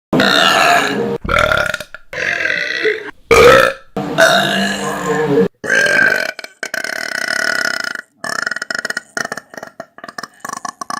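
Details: A compilation of favorite burps from various videos: a run of about six loud, drawn-out burps followed by shorter broken belching sounds.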